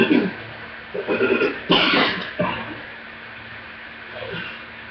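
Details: Severe coughing attack with deep chest coughs that shook the whole body and took the breath away, needing an inhaler and a breathing treatment: a few deep, harsh coughs in quick succession, then quieter breathing.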